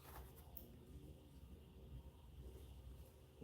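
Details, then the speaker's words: Quiet, low rumbling with faint wavering gurgles from an adult's stomach near dinner time, during work: stomach growling (borborygmi). "a cow in my stomach smooth you hear that must be getting close to dinner time"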